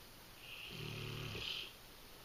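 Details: A single low rumbling snore with hissy airflow, about a second long, from a sleeping female English Mastiff dog: snoring.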